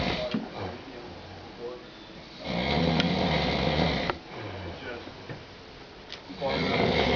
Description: Man Snoring Beyond Repair